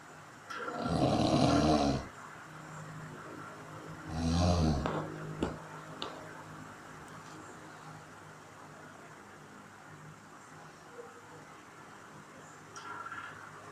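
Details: Two deep, rattling snores on breathing in during sleep, followed by a long quiet stretch with faint room noise; snoring.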